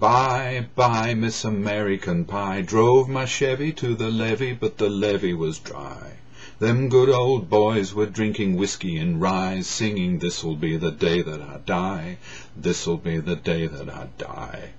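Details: Adult man who has stammered since about age three, with repetitions when young and blocks on hard consonants later; singing a song fluently; fluent singing in an adult who stammers.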